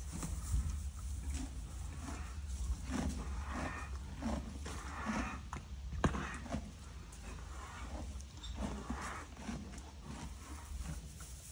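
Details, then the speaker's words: Horse with an equine asthma flare, nostrils flared constantly, stressed eye, still eating: noisy, rasping, rapid breaths with wheezing audible without standing close. "eyes so you must have heard it but you can hear the horse just wheezing and you don't even have to stand that close"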